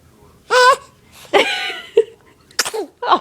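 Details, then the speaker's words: Baby sneezing after struggling to get a sneeze out: short high-pitched infant sounds with sudden sharp bursts, small baby sneezes or sneeze attempts. "I know you want to sneeze. I know you want to sneeze. You are trying so hard."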